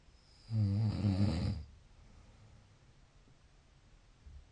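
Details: Snoring: one deep, rumbling snore lasting about a second, then quiet breathing.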